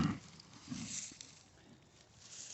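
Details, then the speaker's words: Pig with a respiratory infection or pneumonia, with earlier nasal discharge and a bad wheeze, treated with LA-200 (doxycycline), now improving in cold weather; a choggy-sounding cough. "And so you'll probably hear a cough here. They don't really have a way to like blow their nose or get stuff out real easy, and pigs have small lungs, so they can go downhill real fast with respiratory issues."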